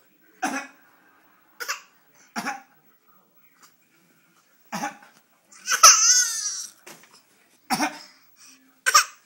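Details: A young child gives about six short, separate coughs with a brief whiny vocal sound between them; cough.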